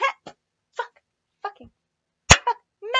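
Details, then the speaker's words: Short, abrupt vocal bursts with one loud forceful yelp, then silence, from a person with Tourette syndrome during a don't-move challenge, describing a loud, relieving tic: vocal tics. "That is, that’s been going on today, and I don’t like it. Because it’s really [tics] it’s really loud!"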